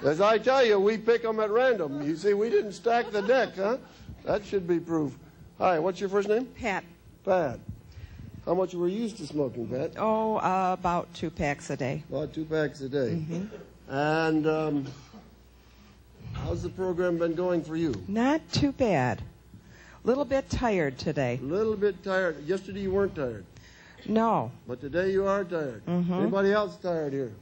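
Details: Adult man speaking, with a second speaker answering; normal voice.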